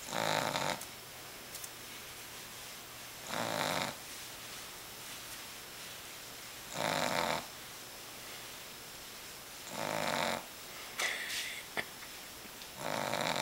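Five harsh, raspy snoring breaths at regular intervals, roughly 20 a minute, with quiet pauses between them.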